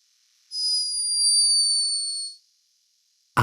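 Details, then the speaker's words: Sleeping hummingbird recorded by a scientist in Peru: a single very high, thin whistling tone lasting about two seconds, a tiny high-pitched snore. "high-pitched but unmistakable snore hummingbirds are loved for their beauty and speed but this one was behaving a little bit like a human the perfect cute response trigger"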